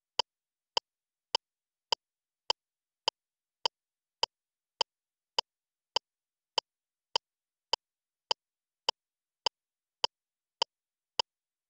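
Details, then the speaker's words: LIFEPAK CR2 defibrillator (AED) CPR metronome in adult mode pacing chest compressions, with Swedish voice prompts to resume compressions, push hard at least 5 cm and give two rescue breaths. "återuppta bröstkompressioner tryck ner hårt minst 5 cm gör två inblåsningar en två"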